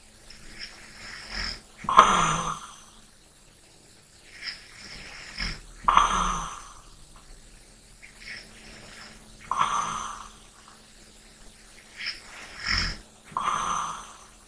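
Soft snorting, throaty breaths about every four seconds, roughly 15 a minute, over faint room hum. Light snoring during sleep.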